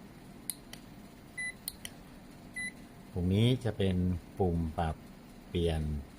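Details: Several short electronic beeps from an infrared forehead thermometer (model F168), sound alerts turned on during a demo, signalling measurement status, then brief speech in a small room; thermometer beep.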